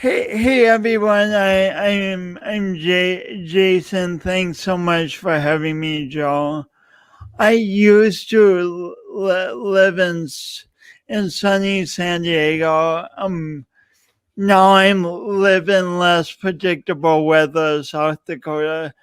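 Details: Adult male speaker; speech impediment with disfluency.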